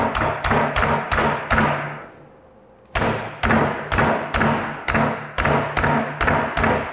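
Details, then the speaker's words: Repeated sharp mallet taps, about two a second, with a brief pause, as a self-punching knotless suture anchor is driven into the adductor tubercle for MPFL repair, with placement located by ultrasound. "i'm now going to go ahead and get my self-punching knotless anchor and i'm going to basically just punch this in"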